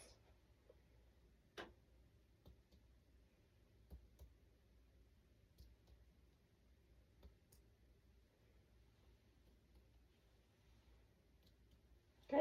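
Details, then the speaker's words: Nurse practitioner's respiratory assessment, percussing the front of the chest by tapping on fingers placed on it: soft, evenly spaced taps giving an equal note with no fluid or abnormality heard; normal chest percussion note. "Good, everything sounds nice and equal. There's no, I don't hear any fluid or any abnormalities while percussing."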